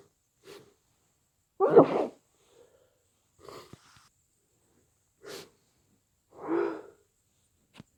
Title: Muffled snotty cold sneezes